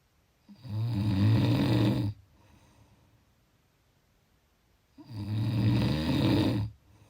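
Two long, loud, rattling snores, each followed by a quiet breath out.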